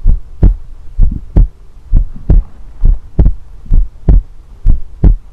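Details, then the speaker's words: Educational demonstration of normal heart sounds: strong, regular low thumps in pairs, about 65 beats a minute, explained as the sound of heart valves closing to prevent backflow. "Van đóng lại để ngăn dòng máu chảy ngược, và âm thanh đóng van là những gì chúng ta thường gọi là nhịp tim,"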